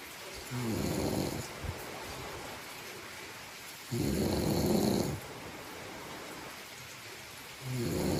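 Rough snores recurring about every three and a half seconds, around 17 a minute, over steady background hiss: rhythmic snoring during sleep.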